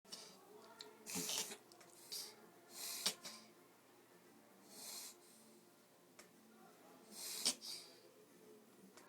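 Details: Foster dog with kennel cough makes loud, hissing snorting breaths in uneven bursts: reverse sneeze.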